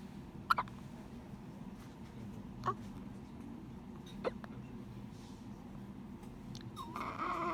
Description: Two day old baby hiccups